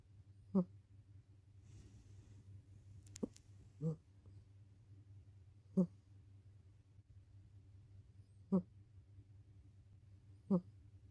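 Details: Snoring from a sleeping rescue cat: soft, brief, rhythmic snores ranging from low to high pitch, about 13 a minute, over quiet room hum.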